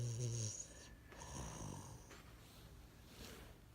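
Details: Low, rumbling snoring breaths from a sleeping bulldog puppy lying with its tongue out, with a soft noisy exhale after the first loud snore; snoring.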